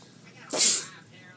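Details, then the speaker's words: Simulated sneeze for a spray-bottle sneeze prank: one sharp, hissing burst, acted rather than real, while the speaker claims to have sneezing problems from being sick; sneezing. "Sorry about that. I have sneezing problems. It's because I'm sick."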